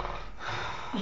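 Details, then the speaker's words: Sleeping young man lying on his back, whose loud snoring sometimes wakes him, gives a short noisy gasp as breathing resumes after an apparent pause in snoring; possible obstructive breathing pause. "Respira bien. No ent aire. Ay, Dios mío."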